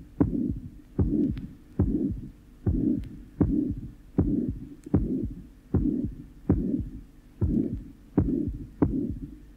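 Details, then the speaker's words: Apex recording in expiration from a 45-year-old patient with mitral regurgitation and atrial fibrillation: a loud pansystolic murmur almost drowns S2, and a soft S3 follows very soon after, with a very short mid-diastolic murmur after it. "the second heart sound is almost drowned by the loud pan stolic murmur with the result that the soft third heart sound which occurs very soon afterwards may be mistaken for the second sound"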